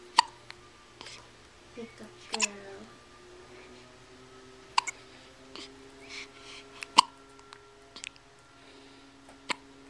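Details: Hiccups recorded on a Flip Video camcorder: repeated sudden sharp little catches of breath at irregular intervals, with quiet talk and light music behind.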